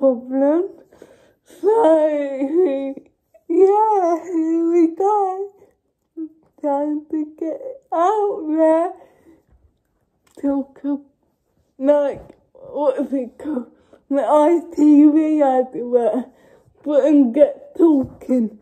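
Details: Young woman with cerebral palsy speaking informally to camera; no speech disorder is named in the source: dysarthric speech in cerebral palsy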